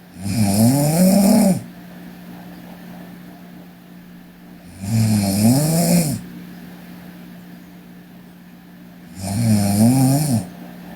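Loud, rattling snores on each breath in, about 14 a minute, with quiet breathing out between them.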